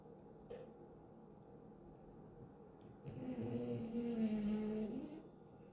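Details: Chihuahua dog snoring in deep sleep: quiet room, then a soft buzzing nasal snore on one breath lasting about two seconds.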